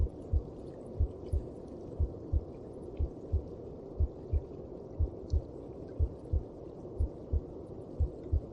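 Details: Steady paired low thumps at about 60 beats a minute over a muffled whooshing background; heart sounds heard through the mother's belly.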